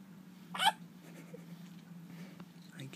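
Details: Infant boy with recurring hiccups, who is laughing around the time of the clip: a single brief, sharp hiccup over steady room hum.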